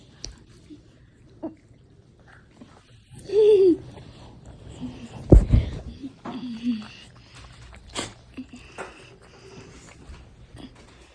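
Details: Kennel cough in a pocket bully dog: a few harsh, honking cough bursts with gagging sounds.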